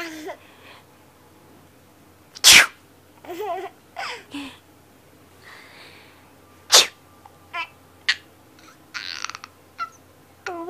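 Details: Several sharp sneeze bursts with an infant's squeals and laughter between them in a quiet room; the baby laughs hysterically at the sneezes.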